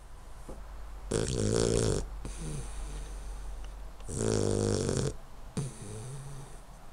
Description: My 12 week old Hungarian Vizsla puppy doing what he does best - sleeping and snoring like a trooper